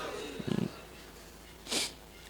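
A brief low, fluttering snort-like rumble, then a short breathy hiss; a single snoring sound in a quiet room.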